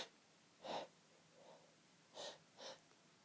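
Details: Sneezes held back as long as possible with the nose pinched: three short, muffled bursts with faint breaths between them.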